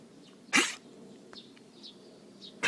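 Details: Dog with a gagging, hacking cough as if something is stuck in its throat, with dry heaving; owner wonders if it caught a cold. A single sharp, harsh burst, then a second begins.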